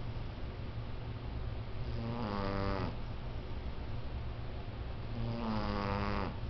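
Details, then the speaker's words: Sleeping female cat snoring very loudly; owner jokes about sleep apnea: two loud rasping snores with a buzzing, rattling tone over a low steady hum. "Hey, wake up. Use a snore. You got like sleep apnea or something, babe."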